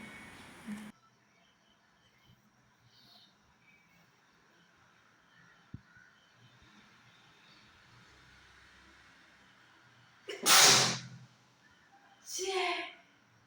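Two loud, abrupt bursts of air after a quiet stretch, typical of sneezes.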